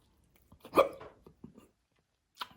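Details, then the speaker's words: Adult eating spicy food who says spice gives them hiccups, though they normally don't get them: a single sharp, abrupt hiccup with a brief voiced catch, then small quieter sounds; ordinary hiccup. "It must be certain spices that do that. There are many times I eat really spicy. I don't know if it's the hot sauce. I don't know what it is. But normally, I don't get the hiccups."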